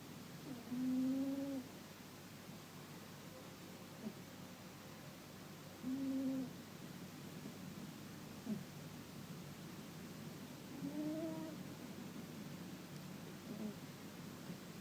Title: My cat snoring